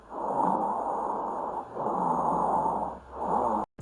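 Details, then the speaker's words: Low, coarse snoring rumbles through repeated breaths on lung auscultation: rhonchi from secretions obstructing the bronchi or bronchioles, as in bronchitis. "el roncus como bien su nombre lo dice es un ronqueo o retumbo en los bronquios o bronquiolos normalmente generado por obstrucción por secreciones"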